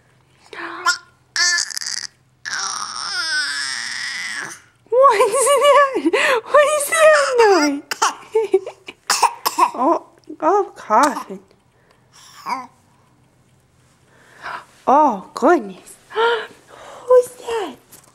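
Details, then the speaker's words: 3-month-old baby boy who hasn't been feeling well gives a few short, rough coughs, then returns to cooing and babbling vowel sounds. "Oh, yeah, you haven't been feeling so good."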